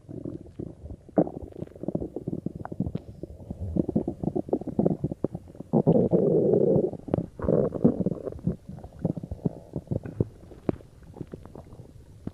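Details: Stomach growling (borborygmi) recorded after drinking cola: low gurgling and rumbling with bubbly pops, rising and falling irregularly as gas and fluid move through the gut.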